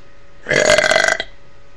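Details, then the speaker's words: Female doing deliberate burps on camera: one loud, rumbling burp lasting under a second over a faint steady background hum. "here and I'm going to be doing some more um burps for you. So, enjoy them."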